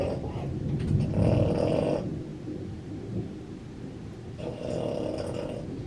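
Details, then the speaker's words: A pet dog snores loudly in rumbling bursts with harsh, congested breathing. The owner thinks he may have a cold because he breathes with some difficulty. "Steven! Hey bud! You gonna stop snoring?"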